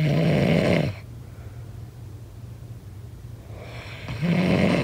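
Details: Snoring during sleep: two loud, rough, low-pitched snores about four seconds apart, with quiet breathing between.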